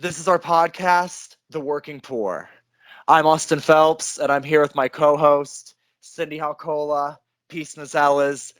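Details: Adult male speaker; typical voice.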